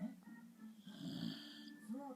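A dog's rough, buzzing snore rises and falls over about two seconds, with faint music and room sound behind it.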